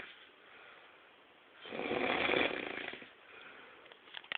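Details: Described as the worst snorer in the world: one loud, rough, rattling breath lasting over a second between quieter breathing in a small room; snoring.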